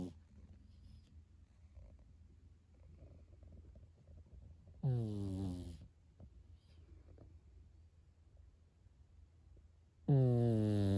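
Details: Pekingese dog snoring in its sleep: two loud, rough, voiced snores about five seconds apart, with quiet low breathing in between.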